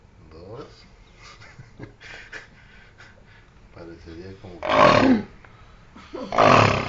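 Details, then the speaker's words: Young man on vacation asleep at 8 a.m. after getting up for the bathroom, snoring loudly all night: harsh, rough snorting breaths, two loud ones near the end, with quiet talk in the room. "Está agarrando vuelo y ahí viene nuevamente su ronquido. Prepárense a escucharlo. Está más de cerca."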